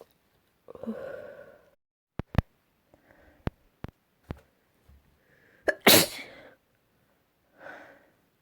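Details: Several separate sneezes with sharp bursts and breathy lead-ins, one much louder than the rest, in a quiet room; sneezes recorded the previous week.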